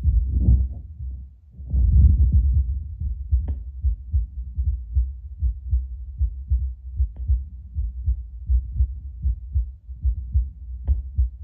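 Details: An adult's own heartbeat through a Bluetooth Littmann CORE stethoscope at baseline before espresso. After a few seconds of stethoscope handling noise, the beat is steady and regular at about 75 per minute, with normal heart sounds.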